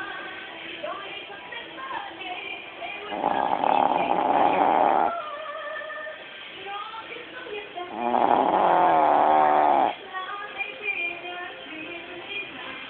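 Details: Small Pekingese dog snoring: two long, loud rattling snores about five seconds apart, with quieter breathing between and faint background sound.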